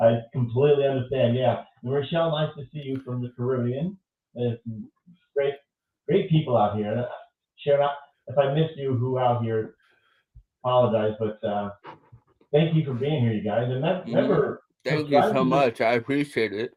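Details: Adult male speaker; normal conversational speech.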